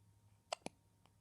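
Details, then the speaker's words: Awake baby boy hiccuping: two quick sharp throat catches in a quiet room; infant hiccups. "You have the hiccups, baby. You have the hiccups, baby boy."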